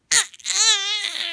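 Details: A 9-week-old baby boy, upset while practising rolling over, gives a short rising fussy cry that is clear and strong in tone; an ordinary upset cry.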